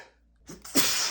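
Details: A male with bad allergies, whose medication taken that morning isn't working, has a rapid sneezing fit: a sharp inhaled catch, then a loud explosive sneeze burst; allergic sneezing.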